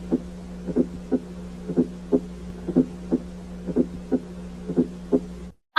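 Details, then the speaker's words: Fourth heart sound (S4 gallop), demonstrated for teaching: a steady heartbeat of about 60 a minute, each beat led by a faint low thud just before the first sound. "ये जो अगला heart sound है that is known as s4 heart sound"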